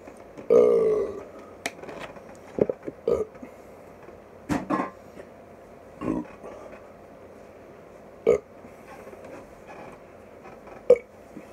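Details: After drinking 1 litre of soda water in under 45 seconds, a loud opening belch then several shorter burps and gulps in a small room; burping.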